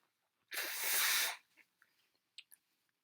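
One sharp, hissing sneeze burst lasting under a second, followed by faint wet sniffs and clicks; a single sneeze.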